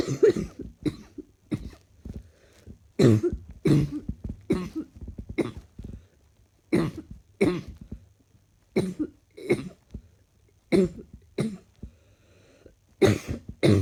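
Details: Someone who woke up with it that morning: about a dozen short, loose, moist coughs in bursts with quiet gaps; a slightly chesty, productive-sounding cough.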